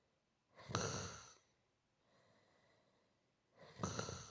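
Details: Soft, rhythmic, gentle snoring in a steady nighttime breathing pattern; snoring.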